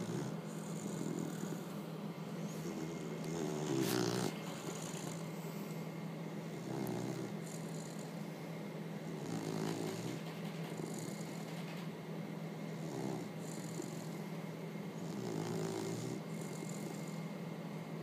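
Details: Snoring described as sounding like a human's: soft, rough breaths repeating every few seconds over a steady low hum of room noise; snoring.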